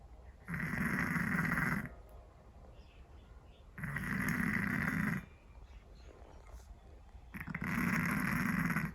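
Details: Scottish Fold cat snoring: three loud, rough snores about every three and a half seconds with quiet breathing between; heavy snoring.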